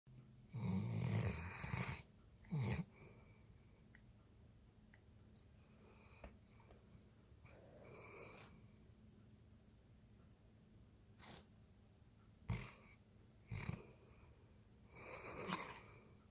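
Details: Soft, rough snorting breaths at irregular intervals from a sleeping dog, with quiet pauses between; ordinary snoring.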